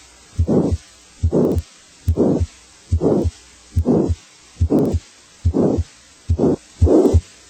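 Regular heartbeat near 71 a minute, each beat overlaid by a loud, harsh whooshing noise: a loud grade four to six heart murmur.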